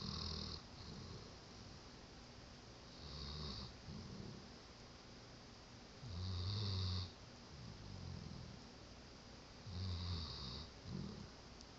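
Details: Sleeping on a person and snoring: low, fluttering snores with each breath, about 18 a minute, over steady room hiss.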